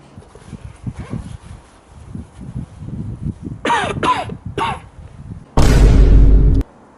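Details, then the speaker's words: Simulated coughing by an adult in a comedy skit: several short, voiced coughs, then one loud distorted burst over background thumping and room noise. "piss off bro we'll piss off ball and i don't see any there but max keep coughing bro"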